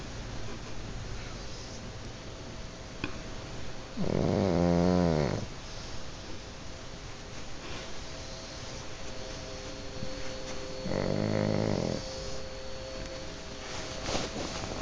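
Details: Pugs sleeping on a bed: two loud, rattling snores a few seconds apart over quiet room noise, typical of sleeping flat-faced dogs.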